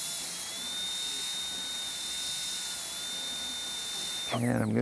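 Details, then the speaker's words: Steady high-pitched whine of a high-speed dental handpiece with a diamond refining the gingival third and distal axial wall, then the mesial, on an all-ceramic crown preparation, rounded shoulder, on tooth #9. The whine drops in pitch as it winds down. "i'm gonna go ahead and break on through with this uh distal axial wall just to get that depth right and now we'll do the same at the mesial"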